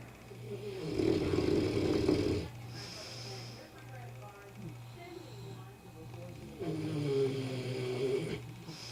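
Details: Sleeper whose loud snoring keeps it in a separate room: long, loud, rattling inhaled snores with quieter breathing between them.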